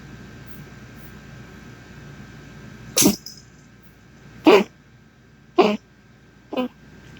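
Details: A dog (Sprite) coughing, recorded 8.11.19: four short, sharp, forceful expulsive bursts a second or so apart over a quiet background.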